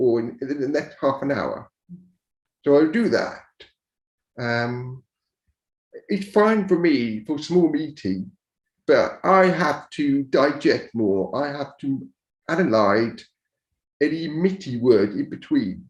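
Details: Speech of a man born deaf who learned to speak rather than sign and now uses a cochlear implant after years of hearing aids; he says his speech is not perfect. Deaf speech.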